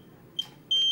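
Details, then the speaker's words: Short chirp then steady high-pitched beep from a locally made ventilator demonstrated in Nairobi, confirming accepted settings (pressure 15, maximum pressure 26, rate up to 24); ventilator confirmation beep. "you'll see it's faster even the beep is telling you that it has been accepted"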